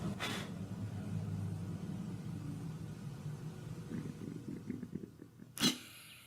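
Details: Woman's stomach growling: low, continuous rumbling with bursts of gurgling toward the end and two brief handling noises.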